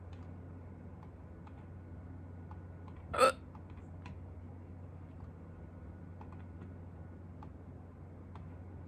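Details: A single short, sharp hiccup against quiet room noise with faint clicks, from someone who had hiccups for the first time in a long while; hiccup.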